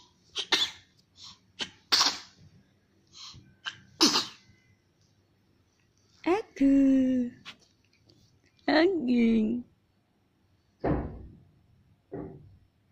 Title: Sneezing February 06,2017